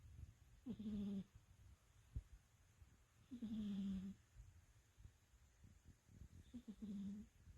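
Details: Sleeping cat: soft, regular snores, a short nasal snore on each breath at about 20 breaths a minute; snoring.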